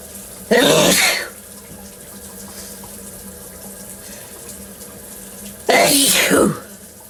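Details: Two loud, explosive sneezes several seconds apart, with steady room noise between them.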